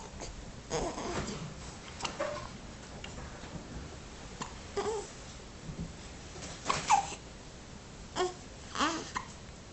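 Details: Infant hiccups: soft, sudden catches in the breath about every couple of seconds, around six, over faint babbling and room noise.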